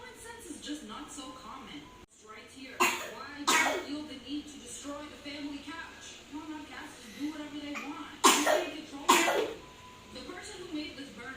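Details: Dry cough attributed to allergy: about four sharp coughs over steady room noise with television or background voices.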